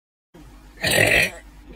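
A single loud, rough burp lasting about half a second, against quiet room noise.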